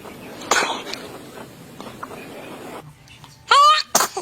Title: How babies r sneezing 😃😃😃 so cute